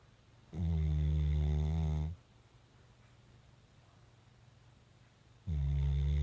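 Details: Dog snoring: two loud, low, rumbling snores, each about one and a half seconds, separated by a quiet pause of about three seconds.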